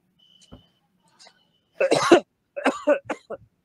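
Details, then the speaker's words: Two coughs from a COVID-19 cough-classification challenge: the first loose and rattling, a wet productive cough; the second sharper and dry. "what we that's what we call a webcaf and a dry cuff"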